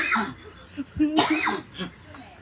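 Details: Adult coughing: a sudden harsh cough burst mixed with voiced sounds, laughter and throat clearing.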